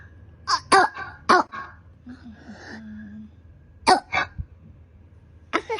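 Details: Clusters of harsh, brassy barking coughs from a young child with croup, an upper airway infection that blocks breathing.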